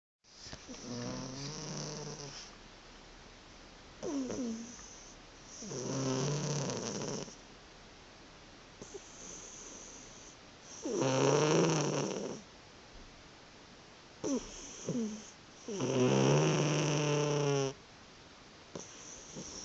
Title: My snoring cat. :-)